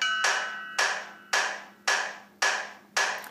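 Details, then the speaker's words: CPR Metronome phone app demo: sharp, evenly spaced clicks at 110 per minute pacing chest compressions for cardiac arrest resuscitation; a separate sound marks ventilation timing. "those clicks that you hear our time to give you 110 clicks per minute if you compress at that rate that will ensure that you're you're getting a hundred and ten beats per minute of north of compressions to your patient"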